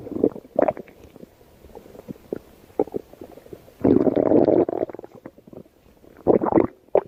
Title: baby shark's stomach growling